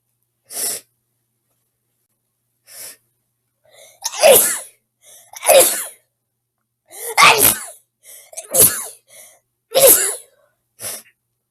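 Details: A girl's series of about eight to ten sharp sneezes, some preceded by a quick intake of breath, separated by short pauses; sneezing.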